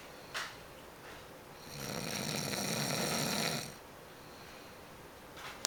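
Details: One long, rough, rattling snore on an in-breath, with quiet breathing before and after in a still room; snoring of the owner's boy while asleep.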